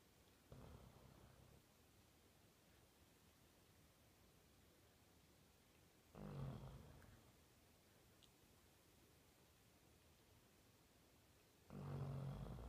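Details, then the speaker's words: 18-month-old Labrador sleeping and snoring: three low rumbling snores about six seconds apart, about 11 breaths a minute, over steady room hiss. "Max, stop snoring. Max, stop snoring."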